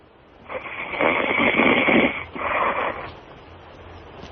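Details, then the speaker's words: Adult snoring: loud, harsh, rattling snores in two long sweeps over a quiet background from a man asleep in a radio studio, described as pretty regular, with sleep apnea jokingly suggested. ">> My My father snores like that."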